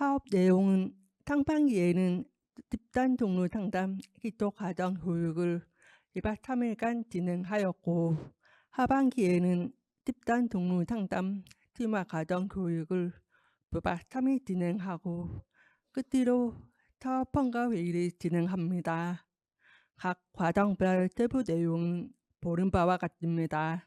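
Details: Deaf adult woman with a left-ear cochlear implant received two years ago, followed by speech therapy; she warns her pronunciation may be unclear, and a colleague says her speech differs because of the implant; hearing-impaired speech (cochlear implant user).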